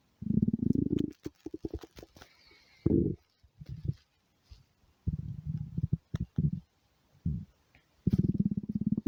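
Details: Hungry person's stomach growling: low, bubbling gurgles and drawn-out rumbling groans in bursts with quiet gaps; borborygmi from an empty stomach.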